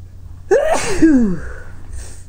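A voiced gasping intake, then one sneeze that is partly held back, ending in a breathy exhale: a stifled sneeze.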